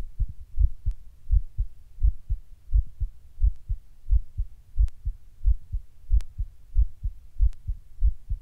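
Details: Person sitting down when the heart suddenly starts beating weird and hard, getting fast now and then: strong thudding heartbeat about 85 a minute, slightly uneven spacing; palpitations.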